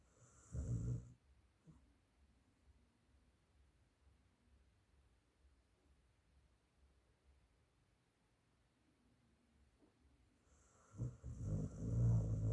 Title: Never seen dog snoring that too loud😂😂 #funnyanimal.